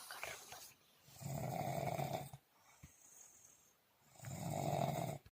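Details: Two long, deep, rattling snores on the in-breath with a quiet pause between, in deep sleep in a small quiet room.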